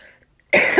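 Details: A single harsh, forceful adult cough after a brief quiet moment; three weeks of cough with swollen throat, diagnosed by an ENT as a viral tracheal cough, with bacterial cause questioned.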